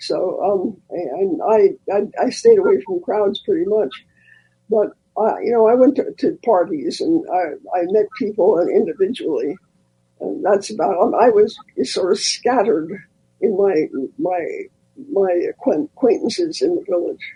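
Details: Dysphonia in a man who recently lost a vocal cord, a former singer; he states the loss was not caused by the polio he had in 1948.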